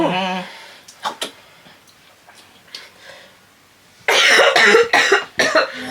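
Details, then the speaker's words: A few short coughs and throat clears, then a loud burst of repeated coughing; deliberately faked coughs by a young woman while drinking a vodka drink, as a prank on her mother. "this was a prank because I decided I wanted to cough during this video to just get L mommy's reaction and her reaction was hilarious"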